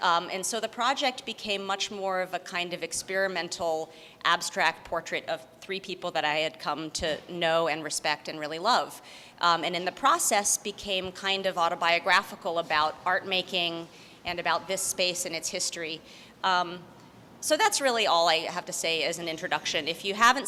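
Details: Adult woman; normal speech.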